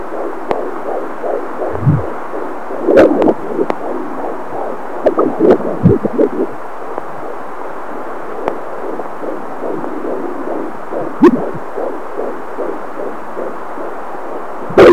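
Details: Fetal heartbeat at 18 weeks gestation on an Angel Sounds fetal Doppler: rapid, regular galloping whooshes, roughly 150 beats a minute.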